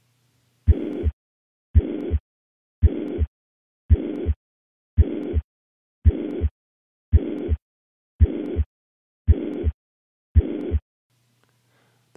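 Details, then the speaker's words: Mitral regurgitation: regular heartbeat about 56/min with an even, uniform-shaped blowing holosystolic murmur filling each systole between the heart sounds. "pressure gradient between the left ventricle and left atrium remain remains relatively constant throughout syst resulting in a uniform or holosystolic shape"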